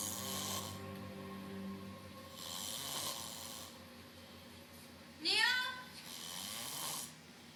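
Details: Person snoring in sleep: rhythmic, hissing snoring breaths about every three seconds, with one brief rising squeak midway and a faint room hum.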